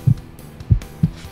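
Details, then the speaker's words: A few soft, deep, steady thumps of a simulated normal heartbeat heard through a stethoscope in the back of an ambulance, on a children's educational show; described as a nice and healthy heart. "yeah that's my heart beating I'm nice and healthy"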